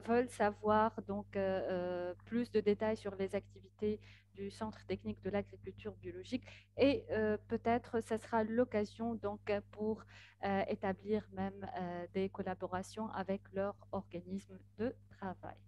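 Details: Adult speaker; Normal voice.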